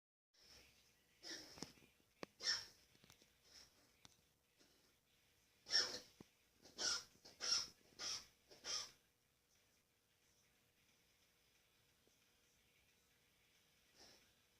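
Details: Dog (Tater) coughing: short, harsh, airy coughing bursts, including a run of about five in quick succession.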